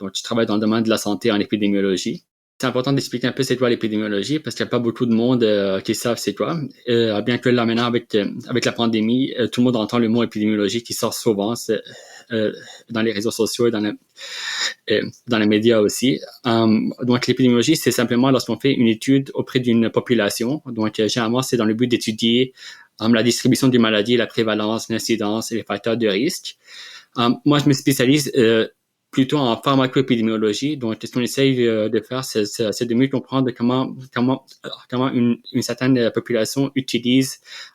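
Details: Adult man, real, who has stuttered since childhood and received speech therapy interventions; stuttering.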